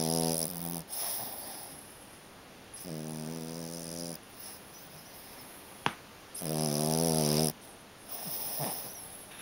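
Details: Dog asleep under a kotatsu quilt with eyes open, not waking when touched: loud, buzzing, whistle-like snores repeating every few seconds, with soft snorts between them.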